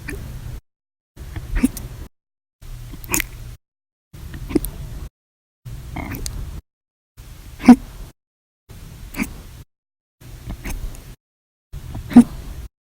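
Brief, sharp hiccup sounds recur about 13 times a minute in separate short segments, some loud, some faint. Repeated hiccups.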